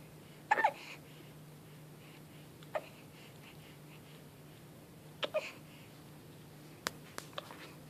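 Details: Baby with hiccups who wails after each one until given a pacifier: several short, abrupt hiccup bursts at irregular intervals in a quiet room.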